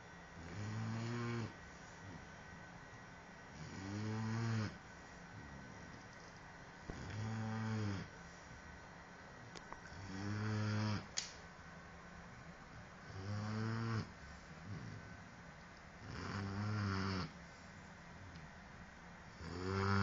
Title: Dogue De bordeaux puppy snoring